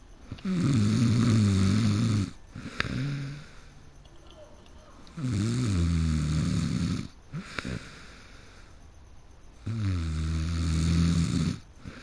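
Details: Person who fell asleep mid-game: three deep, vibrating snores with a rumbling, buzzing tone, about 13 a minute, with faint clicks between; loud snoring.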